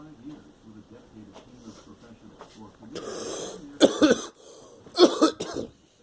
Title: Girl coughing